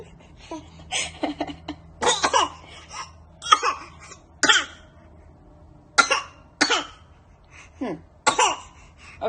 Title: Baby fake cough and smiles 😆😆